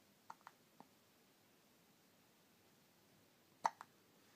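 Quiet room with about five brief, sharp, clicking catches in two clusters, consistent with hiccups.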